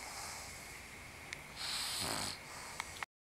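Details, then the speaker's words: Bulldog sleeping after being exhausted from playing with a pug friend: a harsh, noisy snoring breath with a short snort and a few faint clicks. "Worn out from playing with Muggsy. Wears you down, huh, Scarlet? And that was y'all's Bulldog snore break for the day."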